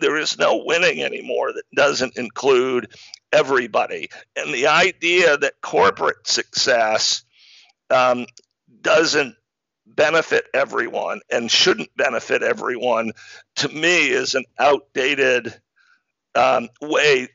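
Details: Adult man diagnosed in 2012 with spasmodic dysphonia, a rare neurological speaking disorder causing partial loss of voice; spasmodic dysphonia.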